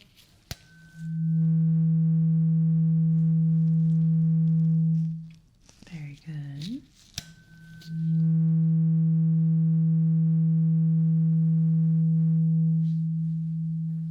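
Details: Simulated ASMR role-play ear exam for clogged ears: two long, steady low humming tones from a struck tuning fork, each fading slowly, with a brief voice between them, as the listener with eyes closed says when the tone is heard in each ear.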